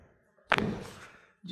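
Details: Single sharp, thud-like crack as a thoracic spine adjustment releases a joint after a deep breath out, in a patient with headaches and a tight upper back: spinal joint cavitation.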